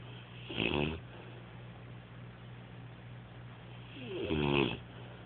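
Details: Snoring during sleep: two rough, rattling snores about three and a half seconds apart over steady low room hum.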